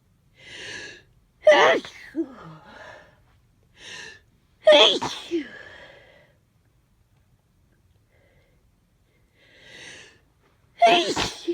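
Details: Several sneezes, each with a sharp indrawn breath; some loud and let out when alone, others stifled in semi-public; winter sneezes from an adult with half a cold, stuffy with a runny nose.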